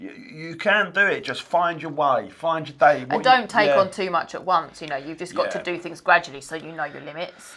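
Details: Adult woman speaking; normal speech.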